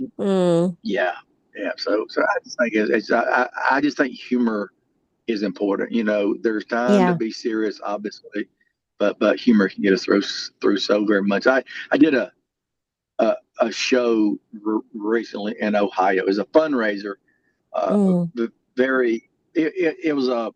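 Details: Stuttering in an adult male comic, speaker and soldier described as a lifetime stutterer.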